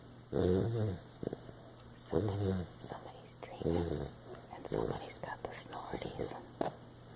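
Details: Sleeping Lab puppy snoring: rough, snorting, fluttering sounds with each breath, about four in seven seconds.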